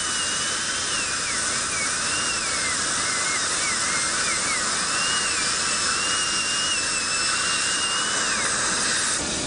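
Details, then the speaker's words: Steady high-pitched whine with shifting pitch and hiss as a dental drill shortens and evens the edges of teeth during cosmetic crown preparation; dental drill. "On our initial workup on the case, we felt like this one crown was a little too long. So we're going to take this down a little bit and even these two out."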